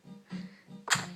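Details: Baby girl playing with a parent: soft infant sounds, then a small, sharp sneeze burst over a steady background hum; sneeze.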